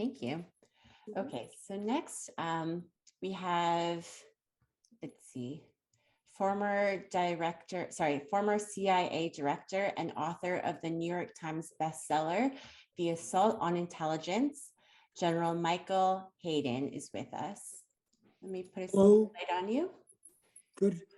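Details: Adult woman speaking; no disorder.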